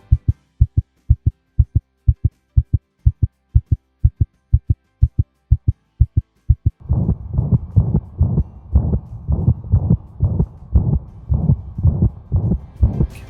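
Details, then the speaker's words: Dog heard through a veterinary stethoscope: regular crisp heartbeats at about 120 a minute, then beats buried in a continuous whooshing sound. Heart murmur, not necessarily pathological. "et quand on entend un souffle cardiaque et bien l'auscultation va être différente et le vétérinaire va entendre quelque chose qui ressemble plus à un donc on entend ce bruit sur aé mais ce bruit n'est pas nécessairement pathologique ce n'est pas nécessairement associé à une maladie cardiaque"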